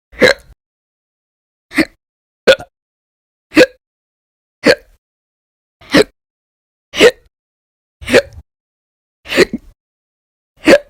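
Ten short, sharp hiccup sounds, roughly one a second, each an abrupt catching gulp in silence; a run of repetitive hiccups.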